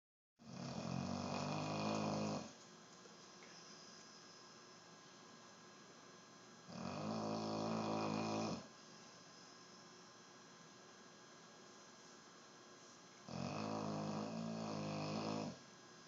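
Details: Morning snoring: three long, rough, rattling snores on the in-breath, about four breaths a minute, with quiet pauses between.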